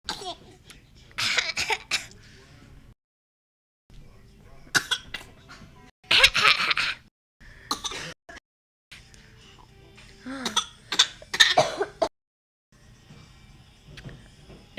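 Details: Several harsh cough bursts separated by pauses, with some throat clearing, from an adult, recorded on an iPhone; a listener remarks it was real: cough.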